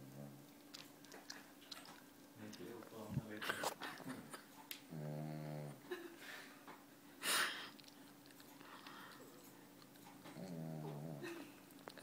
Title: Snoring Dog